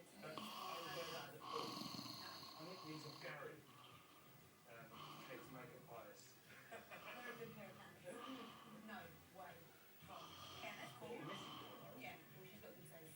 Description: Mum snoring late on Christmas day